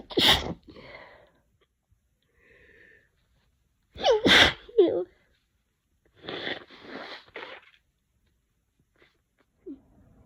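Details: Two loud, wet sneezes, each with a sharp in-breath and trailing sniffles, then a brief third burst, from someone sick with a head cold.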